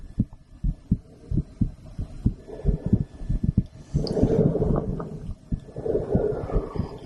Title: Female Heartbeat After Blood Draw With Stethoscope